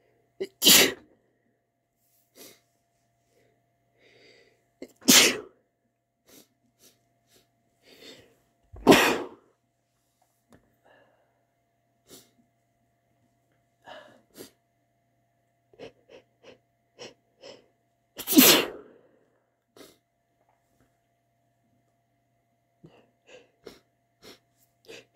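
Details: An adult (marked m) gives four loud sneezes, with softer catches and sniffs between them from false-start sneezes that never came.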